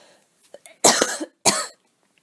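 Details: Voluntary cough on request from someone recovering from a cold, who also has asthma and notes an itchy chest: two forceful, fairly dry coughs after a brief in-breath in a quiet room.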